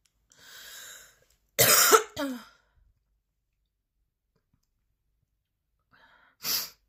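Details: A breath in, then two harsh coughs in close succession, a pause, and a third; part of a 10-minute recording of extremely intense, persistent coughing fits with heavy breathing.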